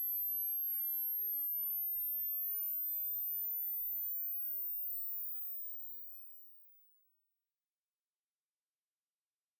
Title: Hearing Test